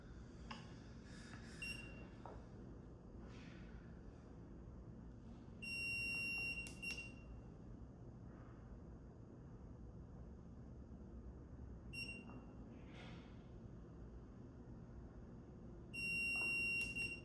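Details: Short high electronic beeps spaced several seconds apart over steady room noise: a dental curing light timing cure cycles as it sweeps around brackets under an indirect bonding tray in digital indirect orthodontic bonding.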